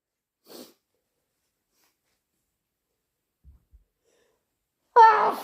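A faint sniff and quiet snuffles, then the sharp voiced onset of a sneeze at the end.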